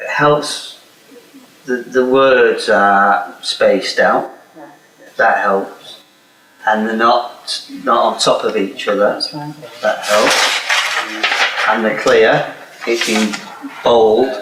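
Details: Adult man speaking; aphasia.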